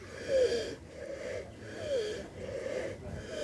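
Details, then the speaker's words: Young baby rhinoceros, unwell for some time with pneumonia: rough, noisy, labored breaths with a squeaky whistling wheeze. "He's got pneumonia, so that's why you can hear his breathing is not all that good."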